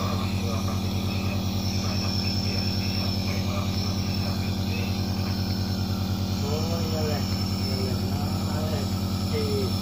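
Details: Nebulizer compressor running while treating a coughing child; steady loud droning motor hum with faint child sounds in background.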